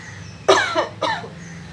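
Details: Two short, sharp coughs from an adult, acted as a demonstration of covering the mouth while coughing, with a low steady room hum behind.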